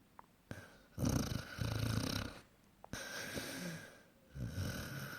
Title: Snoring basset Douglas 8 months